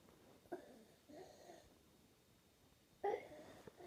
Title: The sound of stridor / croup in child (paediatric)